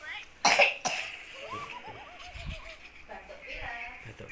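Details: Child with cough and cold, blamed on drinking lots of iced water: two short coughs followed by adult talk in a small room; cough.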